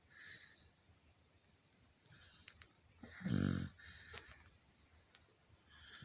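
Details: Dog tired from running, asleep on top of a bed: one short snorting snore among soft noisy breathing sounds; snoring.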